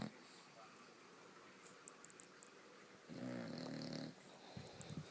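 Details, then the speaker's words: A 7-month-old bulldog puppy asleep in the middle of a bed; a single loud, buzzing snore on an in-breath with soft snuffles and quiet breathing around it; snoring. "can you anybody sleep with this snoring and she's in the middle of my bed snoring like"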